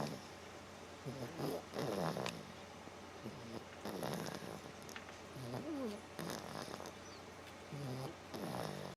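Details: Snoring during sleep: irregular rough snorts and rumbling breaths about every few seconds over steady room noise.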